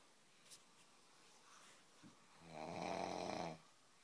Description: some snoring